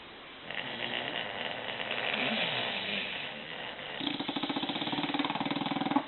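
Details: Four sleeping bulldogs: rough, rattling snores overlap, ending in a rapid fluttering snore: snoring.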